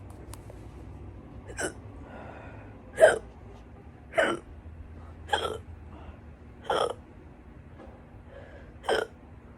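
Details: Stubborn loud hiccups lasting hours, person trying to stop them: six sharp, abrupt hiccups at irregular intervals, about one every 1–2 seconds, quiet room.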